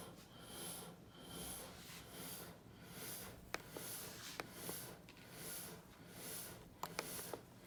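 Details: ResMed AirCurve ST bilevel positive airway pressure (BiPAP) machine: rhythmic swells of airy hissing airflow with a few sharp clicks in a small room.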